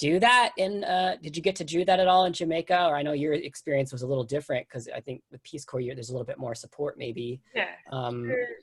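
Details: Adult speaker; Typical speech.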